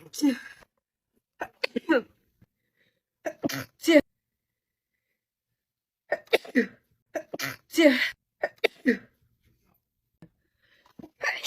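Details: Female sneezing: several short sneeze bursts mixed with brief speech and laughter, with silent gaps between.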